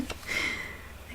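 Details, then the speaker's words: Small pet called a little snorter or piglet snorting while asleep: single brief nasal snort with a faint whistling hiss. "that was him little snork tears a little pig net"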